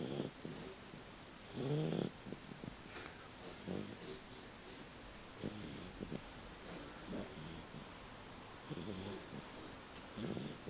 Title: Puppy snoring